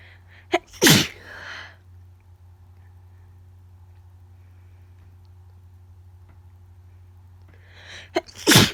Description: I have no idea what’s going on with my nose but it tickles so much and all the sneezes are wet and powerful